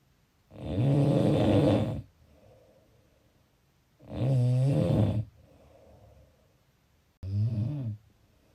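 Three deep, rattling snores on breathing in, with quiet breaths out between them, about 17 a minute: ordinary snoring.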